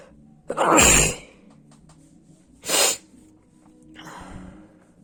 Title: Sneezing